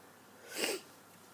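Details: Woman with a bad cold having strong sneezing fits: single short, airy sneeze burst in a quiet room; sneeze.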